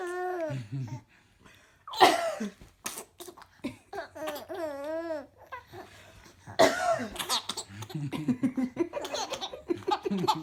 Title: Twins Laughing at Mommy's Cough